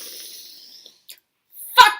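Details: Adult woman with adult-onset Tourette syndrome making a loud vocal noise during a burst of tics including swearing; vocal tic (Tourette syndrome).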